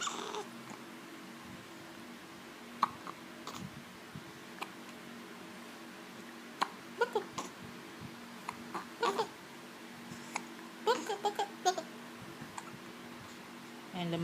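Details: One-month-two-day-old infant boy with hiccups: brief, sharp little catches of breath about every second against room hum, with soft adult voices.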